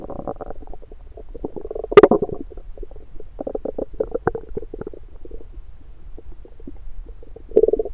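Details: Recorded with an electronic stethoscope on the abdomen in the morning after breakfast: bubbling, gurgling bursts and low rumbles; ordinary bowel sounds.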